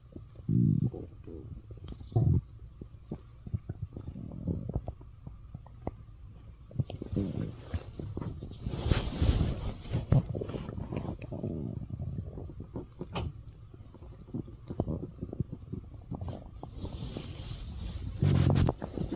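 Low gurgling and rumbling bowel sounds with intermittent louder bursts; ordinary stomach growling from gas and fluid moving through the gut.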